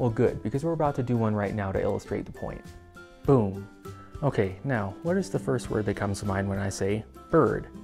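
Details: Adult male narrator; ordinary speech.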